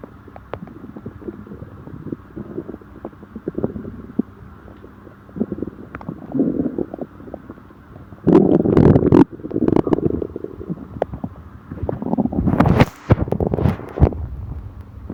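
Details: Stomach upset after eating: irregular gurgling and rumbling from the belly with louder bursts near the end; stomach growling (borborygmi) from gas and fluid moving through the gut.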